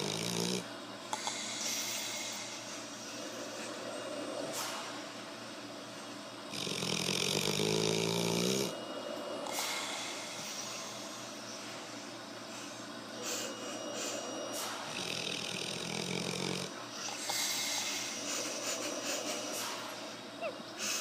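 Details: Pit bull asleep (passed out): loud, rough rattling snores in repeated bursts over steady room noise; snoring.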